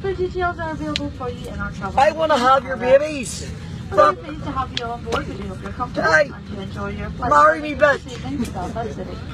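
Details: Adult flight attendant; cabin crew safety announcement.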